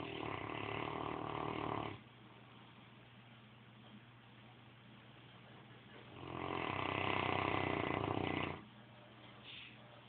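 Two long, loud rattling snores about six seconds apart, with a low steady hum in between; regular snoring breaths.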